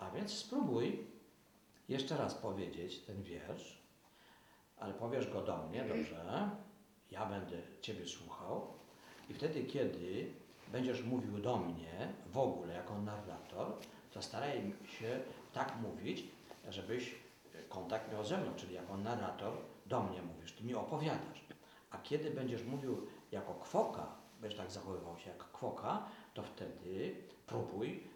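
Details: Adult man; typical speech.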